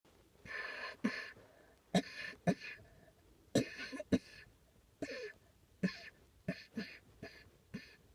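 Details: About a dozen short, sharp cough bursts in irregular clusters, some with a rough throaty edge, in a quiet small room: repeated coughing.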